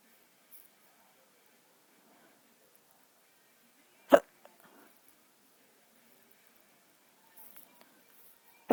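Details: Hiccups in a person who is still drunk: a single sharp, abrupt hiccup against a quiet background with a few faint sounds around it.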